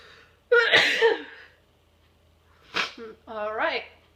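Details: Sneezing in a person in a quiet room: two loud sneezes with sharp bursts of air, each followed by a short voiced sound.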